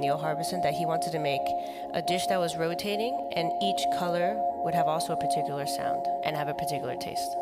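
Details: Voice lacking tone in a man with the neurological disease dystonia, which in his case causes uncontrollable neck movements and can affect other parts of the body; laryngeal dystonia (dystonic voice).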